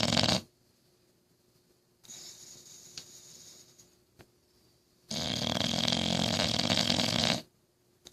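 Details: Loud, harsh, rasping snores on the in-breath, with softer breathing and a pause between; snoring.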